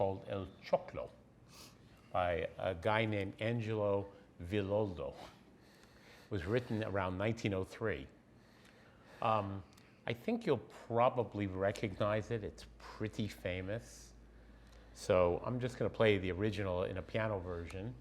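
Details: Adult man speaking; Normal speech.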